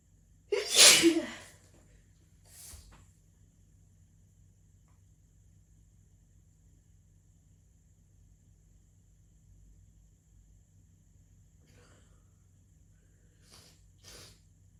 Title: Just messing about sneezing!